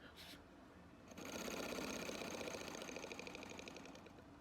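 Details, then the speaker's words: Simulated nurse breathing-treatment role play: a patient hospitalised for a few days takes a deep breath and blows out through a mouthpiece breathing device, giving a brief breath then a fluttering, rattling buzz. "all right so you take a deep breath and then you're just gonna blow right it out okay"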